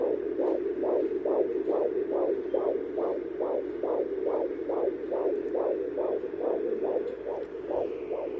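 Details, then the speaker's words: First-trimester pregnancy, checked at home with a new fetal Doppler: rapid, regular whooshing pulses of the fetal heartbeat, about 136-140 beats a minute. "this will actually be the second time this week that I'm actually listening to baby's heartbeat so stay tuned and we'll see if baby wants to cooperate and let you all hear its heartbeat"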